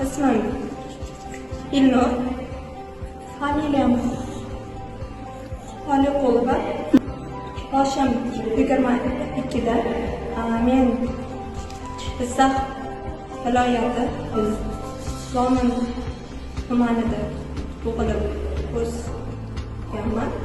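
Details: Long-standing stuttering, present for many years, in a 22-year-old man; the clip may show speech after therapy.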